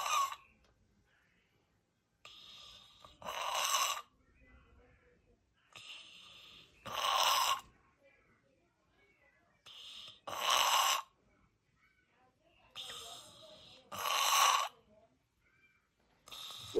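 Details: Real actively dying patient in hospice, last phase of life: noisy, wet, rattling breaths with a gurgling quality, about 17 a minute, in a quiet room; terminal respiratory secretions, the death rattle.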